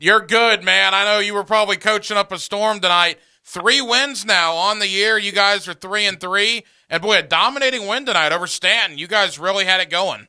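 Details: Adult male speaker; Normal voice.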